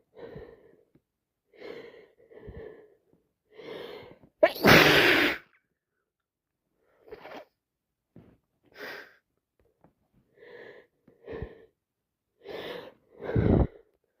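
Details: Person with a severe wet head cold, recorded in real time: repeated sharp breathy 'ah' intakes building up, one loud explosive sneeze and a final forceful burst; sneezing.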